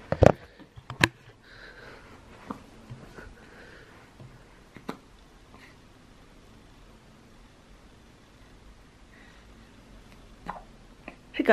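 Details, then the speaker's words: Newborn baby in the first weeks after birth, heard early in the morning: short, sharp hiccup bursts at irregular intervals and faint soft grunts. "and the grunting and the hiccups which is so cute but when you're asleep you're like oh my goodness oh dear"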